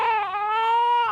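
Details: Newborn girl's strong, normal first cry just after hospital birth: a single sustained, high-pitched wail.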